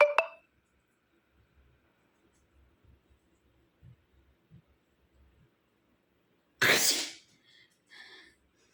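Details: Woman's sneezing challenge, sneeze provoked by poking a nostril with a handkerchief corner, one of several attempts; a single loud, sharp sneeze burst with quiet breathing and small sounds before it.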